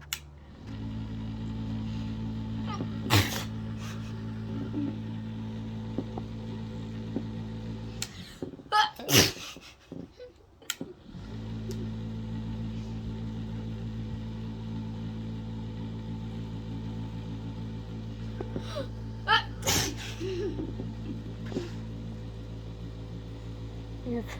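An adult sneezes about three times, deliberately triggered, over a steady room hum.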